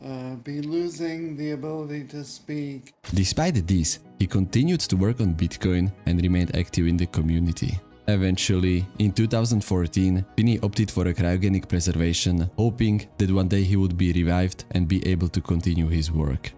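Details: Adult male narrator; normal adult speech.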